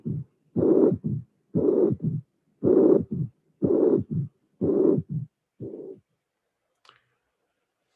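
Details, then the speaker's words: Mitral regurgitation, regular near 60 a minute: systolic murmur, third sound, then a very short low-frequency diastolic rumble (relative mitral stenosis from heavy regurgitant flow across the mitral annulus, no true stenosis). "I hope that you appreciate the fact that after the third sound there is a a a small mmur very short low frequency different from the Regan jet"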